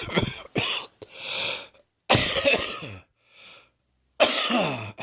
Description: This is a close up recording of my chest wheeze, which eventually dissolves into an uncontrollable wet and wheezy coughing fit.